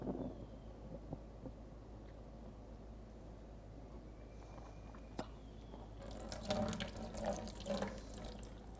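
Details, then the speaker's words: Horse nasogastric tube: after pumping water in, gurgling, splashing fluid with some feed particles siphons back out the tube when pressure is applied, confirming the tube is in the stomach. "something that you can try to do is just put a little pressure on the tube and try to start to get feed contents from the stomach"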